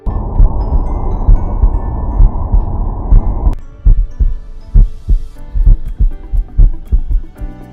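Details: Heart sounds heard through the Stemoscope PRO wireless stethoscope: regular low heartbeat thumps at about 66 beats a minute over background music.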